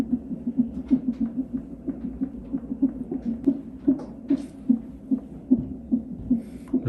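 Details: Normal fetal heart sounds on electronic fetal monitoring Doppler during a non-stress test (fetal movement test) in a pregnant woman; normal fetal heart rate range stated 120–160.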